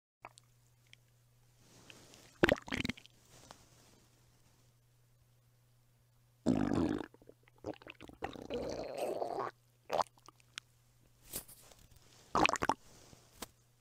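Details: Belly and stomach rumbling ASMR of a hungry mother: irregular gurgles, squelches and rumbling bursts over a faint hum, normal hunger-related bowel sounds (borborygmi).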